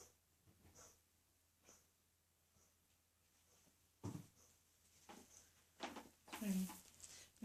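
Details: Male cat with coughing episodes about twice daily for a few minutes, worsening and now vomiting more, not just furballs; cause unknown, vet found organs fine. Soft wheezy breaths build into four or five short harsh hacking bursts; coughing episode.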